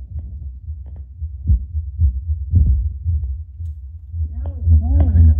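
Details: Adult's own heartbeat through a Bluetooth Littmann CORE stethoscope played on a speaker, baseline before espresso, around 75 beats a minute: steady low normal heart sound thumps, background hum, brief whine near the end.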